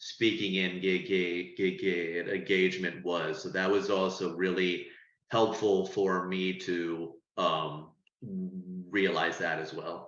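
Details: Person who stutters, speaking on a panel about stuttering therapy; audible word and part-word repetitions; stuttering.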